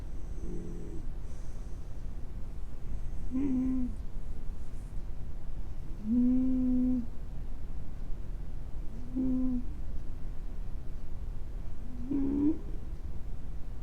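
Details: Man snoring unusually, with bad hay fever suspected: four brief, tonal, hum-like whistling snores about every three seconds over a steady room hiss.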